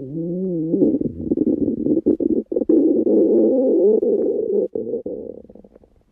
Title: my stomach growling :)